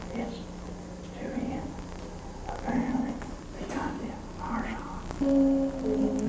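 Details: Geriatric man with paralysed left vocal cord, big glottic gap and poor closure, with aspiration of liquids; severe hoarseness: breathy dysphonia (unilateral vocal fold paralysis)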